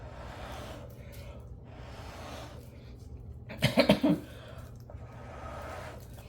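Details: Adult gives about three quick, harsh coughs amid soft breathy background noise; speaker earlier notes her dogs are snoring and that she is going to cough.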